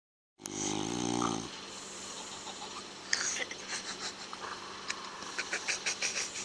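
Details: Adult man (a father) snoring: one loud, rattling, pitched snore on a breath in, then quieter breathing against room noise.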